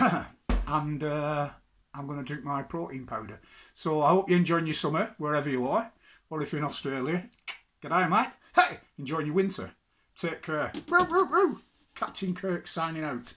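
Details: Adult man with Tourette syndrome; interjected vocal tics occur throughout his speech, and he says hearing an Italian accent triggered his ticking. Finding: vocal tics (Tourette syndrome).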